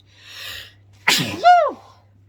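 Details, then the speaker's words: Woman at bedtime inducing sneezes with pepper to clear her sinuses: a soft breathy intake, then one sharp forceful sneeze ending in a brief voiced cry. "it's just clearing everything out it feels really really good"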